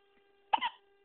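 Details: Infant's early-morning hiccup: a single sharp, brief voiced catch over a faint steady background hum.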